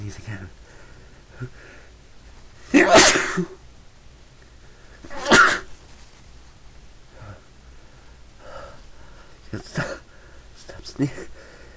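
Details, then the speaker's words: Two loud explosive sneezes a few seconds apart with quiet talk and breathing between, from a person who says they have been sneezing all day and cannot stop; repeated sneezing. "Oh shit. I can't stop. Here comes another one. Sneezing."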